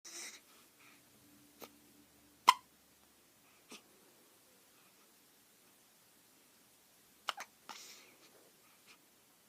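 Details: Infant hiccups: soft, brief hiccup catches with quiet breathing in between, a few in nine seconds.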